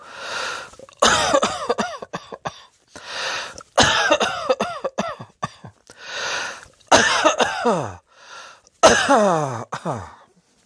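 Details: Repeated harsh coughing in bursts, several coughs per burst with gasping breaths between, amid laughter and music; a plain cough.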